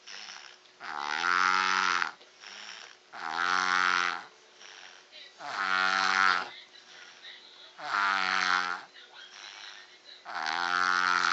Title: Baby snores